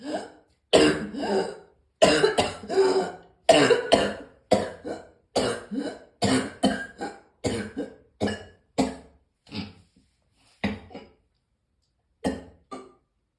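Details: Morning cough: a run of about fifteen short, harsh coughs with brief pauses between them in a quiet room.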